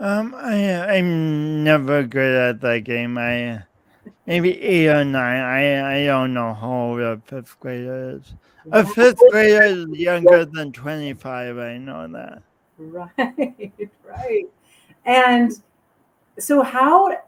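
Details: Adult man, podcast host, with his own lifelong speech impediment and coordination differences; real, not acted; speech impediment with disfluent speech.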